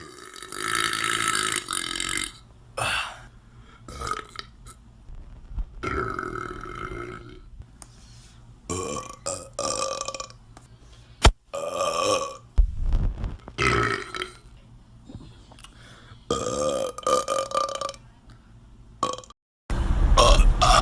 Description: New compilation of guys burping on twitter.